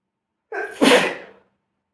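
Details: Sneezing at smoking: a single sharp sneeze, a short in-breath followed by an explosive burst.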